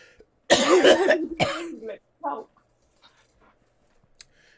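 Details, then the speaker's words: Adult gives two harsh, loud coughs then a smaller throat-clearing cough after smoking from a bong, then quiet. "remind me to never hit no bong before i start the show remind me to never ever do that again my camera all [ __ ] up i'm coughing hush that's what it sounds like it is that gas"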